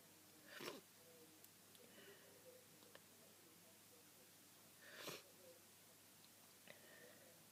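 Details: Person who is still sick: two sharp, explosive sneezes with faint sniffing between them; ordinary sneezes, no wheeze evident.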